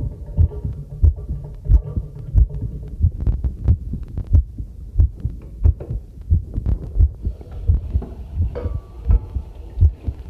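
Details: Heartbeat recorded on myself with a new homemade "field" stethoscope microphone on its first trial, during housework: regular low thumps at about 90 a minute, with tap water running and tableware clinking behind; normal heartbeat.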